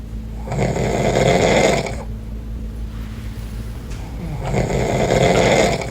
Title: Baby’s reaction when dad snores 😴😪🤣#tiktok #baby #funny #cute #fyp